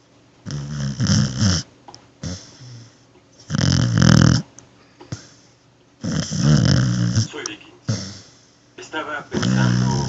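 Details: Snoring of a pet dog.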